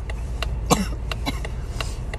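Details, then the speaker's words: One short harsh cough over road and vehicle noise, from an adult sick 5 days, likely influenza A then bronchitis, on antibiotics. "I've been sick for 5 days now. Yesterday I went to the doctor and they said that I most likely had influenza A like the first 4 days, and now I have bronchitis."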